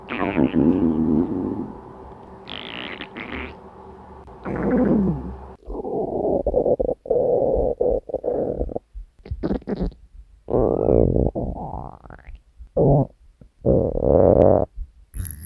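Long low gurgling and rumbling growls with bubbling squeaks; hunger stomach growling, a normal gut sound.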